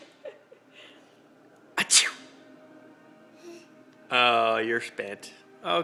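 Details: A sharp sneeze burst, then a young child giggling and laughing at it, with faint music in the background; sneezing.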